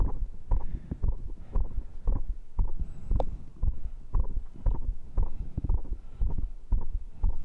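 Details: Own heartbeat recorded with a microphone right after the final round of muscle training (dips, abs, cross pulls, arm curls); rate stated as 132. Strong, regular low thumps at about 120 a minute: a normal heartbeat, fast after exercise.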